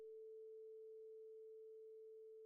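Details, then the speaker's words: Rinne hearing test, air-conduction step: once the patient stops hearing the fork on the mastoid bone, the vibrating tuning fork is held beside the ear, giving a steady pure humming tone. "as soon as the patient can no longer hear the sound hold the tuning fork next to the patient's ear the sound waves are now conducted via the air"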